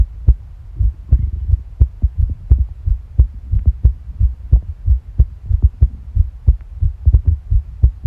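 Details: Steady low thumps of a heartbeat mixed with sharp clicks and gurgles from the stomach; normal heart sounds heard together with bowel sounds.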